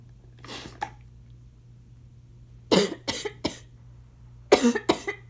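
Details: An adult with asthma coughs in several clusters of harsh, wet-sounding bursts, growing increasingly congested.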